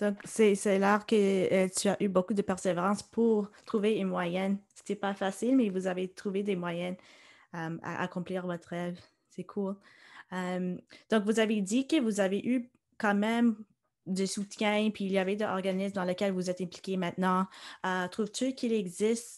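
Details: Adult woman speaking French; typical speech.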